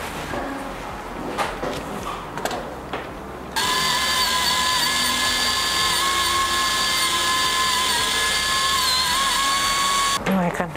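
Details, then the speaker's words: Steady high-pitched whine of a dental handpiece running for several seconds with a fine bur, finishing and polishing a bulk-fill resin composite restoration after removing excess, with brief handling sounds before it starts. "and then we remove the excess thereafter polish it with soft like this"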